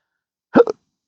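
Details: Single sharp, voiced hiccup from an adult with a rare, daily, disabling condition of chronic hiccups and burps since December 2015, following surgery with multiple nerve damage.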